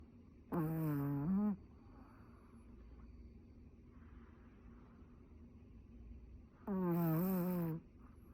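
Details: Sleeping dog snoring loudly: two loud, pitched, rattling snores about six seconds apart, with quiet breathing between them.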